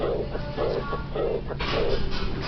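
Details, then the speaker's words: 35-year-old woman with a known heart murmur and chronic exercise intolerance; best heard at the fourth left intercostal space: soft blowing decrescendo diastolic murmur, an aortic regurgitation murmur. "Hopefully, the timing of this murmur sounds different than the previous two examples. That's because this is a diastolic murmur. Its shape, decrescendo."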